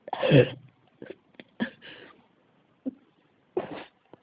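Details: A coughing fit in an ASMR cough recording titled "the cough won't stop": a run of repeated harsh coughs in quick succession that keeps going, a persistent cough.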